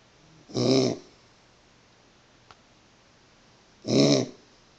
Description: 4 month old bosco has kennel cough and is coughing in his sleep :( unfortunately there isn't a whole lot we can do about it except wait it out